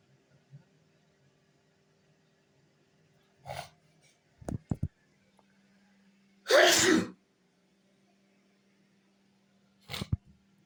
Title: Big Sneeze and Extra Nose Sniffing #sneezing